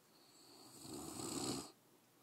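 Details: Sleeping English Mastiff dog: a single drawn-out, raspy breath that swells then stops abruptly; one snore.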